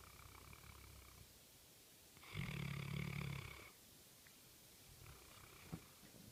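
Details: Sleeping South African Mastiff (Boerboel) dog snoring: one low rumbling snore with a whistling edge, then quiet breathing against steady background hiss.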